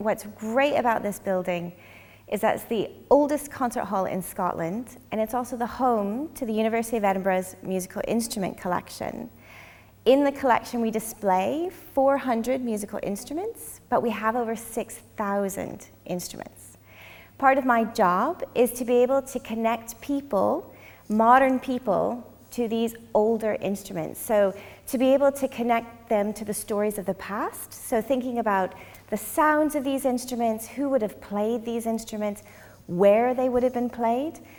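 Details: Adult woman speaking; Normal speech.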